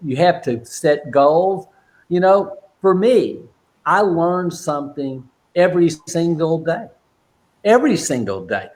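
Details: Adult man with aphasia since a stroke during heart valve surgery in 2007, at first limited to single words, now non-fluent with repetitions and filler words; aphasia.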